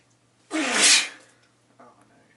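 One loud, explosive sneeze with a sharp onset and a hissing release, followed by a faint breath; a plain sneeze.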